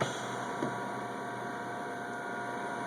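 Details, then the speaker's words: Philips Respironics SimplyGo portable oxygen concentrator in night mode: steady low mechanical hum with a faint tone, running quietly. "the other mode is the nighttime mode and we'll listen to it that's at a very high six so I'm going to bring it down to another"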